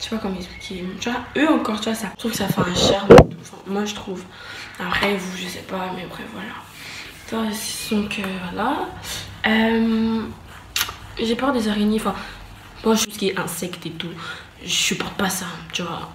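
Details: Stuttering in a French-speaking woman who says she stutters.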